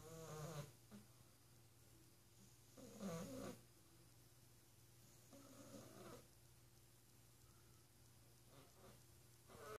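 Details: Small animal snoring up a storm: soft, rough snorts and purring breath sounds, about 22 a minute, over a steady room hum.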